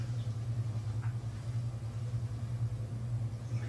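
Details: Suction clearing impacted cerumen from the ear canal of a patient who had impaction once before: steady low motor hum with faint pulsing.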